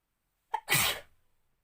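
A short inward catch of breath, then one loud explosive sneeze that fades quickly. A single ordinary sneeze.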